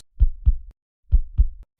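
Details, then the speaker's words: Normal heart sounds in an educational recording: two clear lub-dub heartbeats, low thumps in even pairs at about 65 a minute, the double sound produced as the heart valves close. "the characteristic doubleup sound of the heartbeat is produced during the closing of the heart valves"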